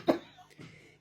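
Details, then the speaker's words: Cough from a woman who developed it after choking on some water: a single sharp, harsh cough burst, then a fainter, softer sound in a quiet small room. "You got You've got a terrible cough. You have got a terrible cough. You have got a terrible cough."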